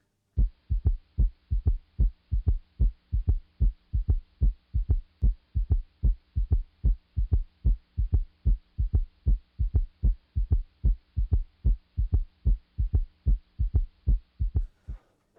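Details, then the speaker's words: Third heart sound (S3 gallop) example linked to heart failure and left ventricular dysfunction with raised left atrial pressure: regular low heart sounds with an extra soft early-diastolic thud just after S2, giving a three-beat gallop. "esents significant underlying left ventricular dysfunction where the left atrial pressure has increased to such a degree that you get this rapid ventricular filling in early dly soon after the second heart sound"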